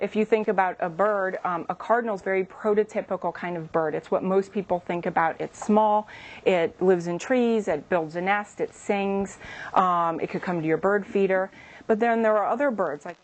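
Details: Adult woman speaking; typical speech.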